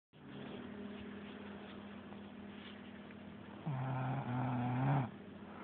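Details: A single loud, rough, low-pitched rattling snore lasting over a second from a sleeping boy, after steady quiet room hum.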